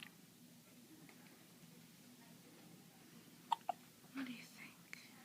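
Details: Hiccups that seem to be tiring the subject, after a big yawn and before trying to eat again: two abrupt, short sounds close together, then a soft voiced sound, in a quiet room.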